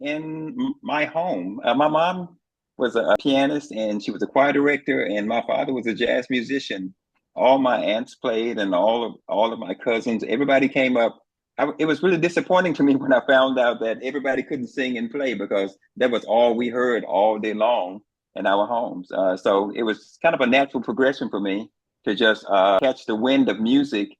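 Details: Adult man; typical speech.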